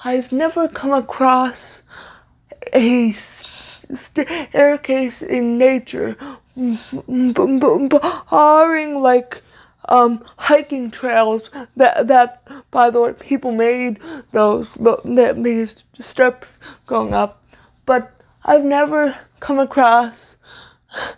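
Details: Stuttering (disfluent speech) in a woman with cerebral palsy, a neuromuscular disorder she says affects motor control including speech; spontaneous speech.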